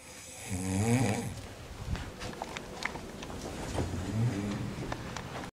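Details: A person snoring while asleep during a trip.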